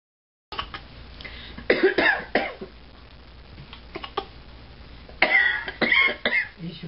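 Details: Infant girl playfully imitating a cough: short coughing and throat-clearing sounds in two small bursts.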